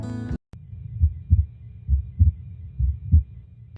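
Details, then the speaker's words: Simulated normal heart sounds: regular paired lub-dub thumps, about 67 per minute; S1 (lub) and S2 (dub), both caused by closing of the heart valves. "physiologists refer to these sounds as S1 lab and S2 dub both of these sounds are caused by the closing of the heart valves"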